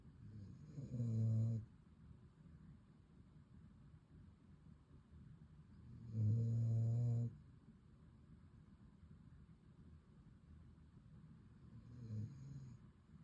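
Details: A dog leaning on its owner's leg gives three loud, low, rumbling snores at about 12 breaths a minute, with quiet breathing between; dog snoring.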